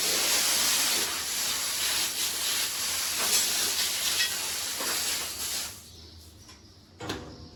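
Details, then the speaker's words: Wound spray applied for about six seconds as a steady aerosol hiss to a lame animal's hoof after trimming released pus and pressure; one of nine lame animals after about a week of rain. "sprayan lang natin Ayan oh ginagawa ko sa ganito spray lang guys Okay na yan"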